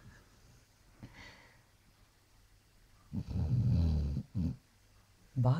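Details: Sleeping Basset Hound snoring: quiet breathing, then two loud, low, rattling snores, with brief human talk in the room.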